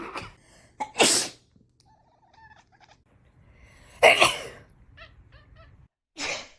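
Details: Three sharp, explosive sneezes with soft chirps or mews between them, as a cat reacts to the sneezing.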